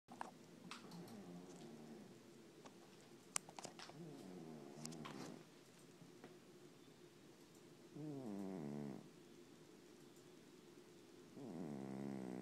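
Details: Overweight sleeping cat snoring: soft, rumbling, buzzing breaths with a purr-like flutter, the last two louder, faint clicks in between.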